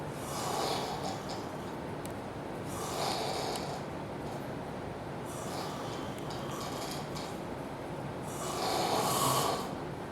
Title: Loudest Snoring EVER!